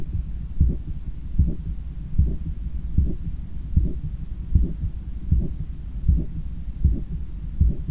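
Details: Stethoscope recording of own heart after a 10km run, lying on a daybed leaning on the left side while controlling breathing: strong, regular lub-dub about 78/min, forceful rhythm; normal heart sounds after exercise.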